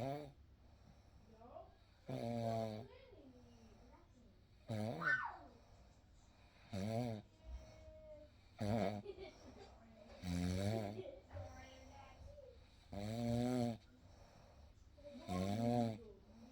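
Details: Real night recording of a sleeper snoring: slow, soft, rattly snores at about 8 a minute with low room hum between; gentle snoring during sleep.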